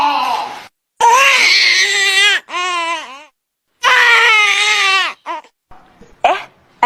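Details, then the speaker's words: Infant crying in short, strained bursts with a lower, open "eairh" sound, said to mean an air bubble in the upper chest and a need to burp. "and this is when there's an air bubble in the top part of the chest. And that means I want to burp."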